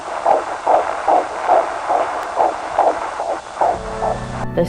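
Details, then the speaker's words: Fetal heartbeat heard during a 4D ultrasound of a pregnant woman: rapid, regular whooshing Doppler pulses, roughly 145 a minute, with steady hiss and a faint tone at the end. "I did and it was an amazing experience I mean hearing a heartbeat that's inside of you is just beautiful"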